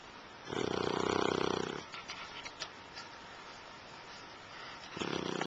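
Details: Snoring: a loud rattling snore on the breath in, a quiet pause, then the next snore starting.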